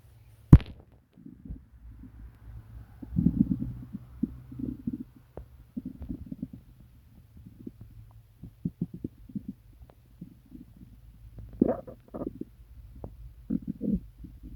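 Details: Irregular deep gurgles and growling rumbles from the belly over a low hum, from a person sick to the stomach for several days with pain, diarrhea and nausea; loud borborygmi.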